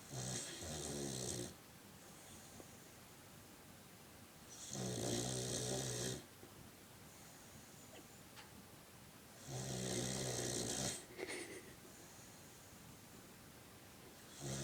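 Slow, regular rattling snores on each breath, about 13 a minute, with quieter breathing between them: snoring.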